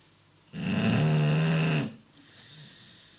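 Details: Beagle snoring really loud: one long, loud, buzzing snore lasting over a second, followed by a quiet breath; loud snoring during sleep.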